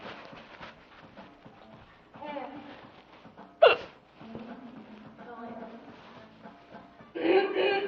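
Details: Sudden sharp hiccup amid casual talk, a girl singing and awkward laughter, with another hiccup-like catch near the end; hiccups.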